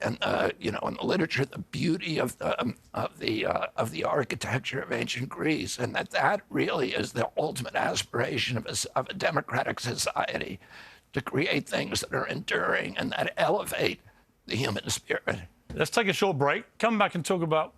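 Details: Adult man with spasmodic dysphonia (he calls it spasmodic dystonia), a neurological disorder that began at age 42 after a 1996 injury. His vocal cords are uninjured. Surgery in Kyoto about eight months earlier made his voice more reliable; he is now trying alternative therapies.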